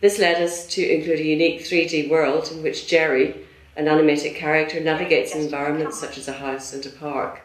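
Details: Adult speaker, narration; ordinary fluent speech.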